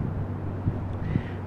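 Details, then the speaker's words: Person with acute gastritis imitates a heartbeat sound in their ear, like a blood vessel not flowing properly, becoming more frequent: low, muffled whooshing rumble with two soft throbbing pulses: pulsatile tinnitus (imitation). "I have this heartbeat sound in my ear. They call it pulsatile tinnitus."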